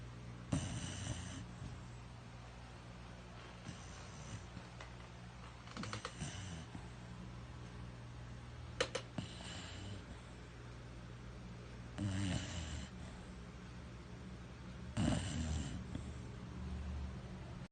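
Soft, irregular snorting snores with short nasal snuffles over steady room hum, about every three seconds. Snoring in a sleeping dog.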